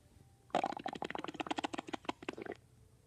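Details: Woman's stomach growling: bowel sounds (borborygmi).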